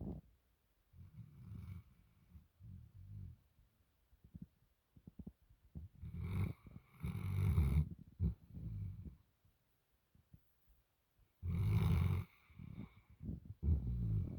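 Low, rumbling, irregular breathing noises with snorting bursts from a sleeping dog. Snoring.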